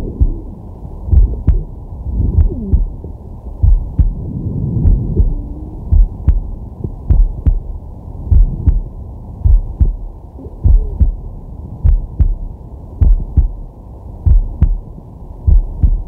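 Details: Man's heartbeat via digital stethoscope on the chest while relaxing/sleeping: steady, regular lub-dub about 50 beats a minute with slow breaths swelling behind; normal heart sounds.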